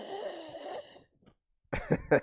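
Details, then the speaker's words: Asthmatic throat clearing from a speaker who says they are improving: rough, rattly clearing with a wheezy, tonal edge, a pause, then two harsh cough-like clearings. "Lo voy a poner acá para que escuchen mi carraspera asmática."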